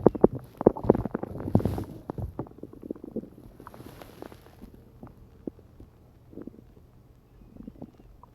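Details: Morning stomach growling from gas and hunger, recorded with a phone lying on the belly while half-asleep: irregular gurgling, bubbling and rumbling, loud at first, then fading and muffled; ordinary borborygmi.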